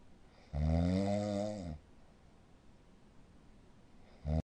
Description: #睡眠時無呼吸症候群 患者本人と周りの人を苦しめるいびき音です。